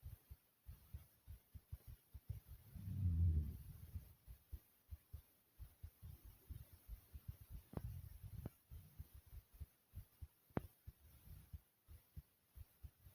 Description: In this video my heartbeat is smooth and soothing.